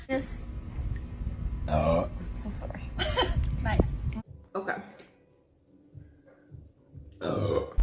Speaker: Do you guys mind if I burp?